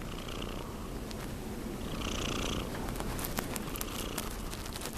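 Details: Snoring from a cat almost 6 months old at rest: steady, low rumbling close to a purr in quality, with faint room noise.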